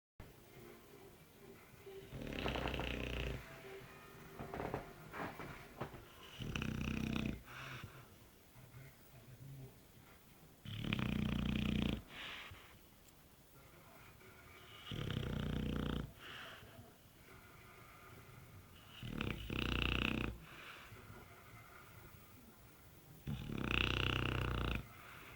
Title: my dog snoring